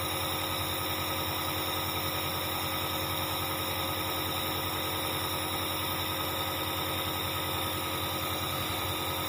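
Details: Dr Trust compressor nebulizer running during a review; the compressor can heat up. The sound is a steady mechanical hum and buzz with a rapid vibrating pulse.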